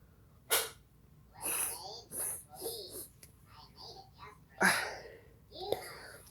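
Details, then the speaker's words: Several forceful sneezes with short inhaled breaths, deliberately provoked by chili powder (about twelve in total) in a person nine years after surgery for adrenal cancer; irritant-triggered sneezing. "i'm trying to make myself sneeze with chili powder and also it's my ninth year reunion of my surgery on my adrenal cancer"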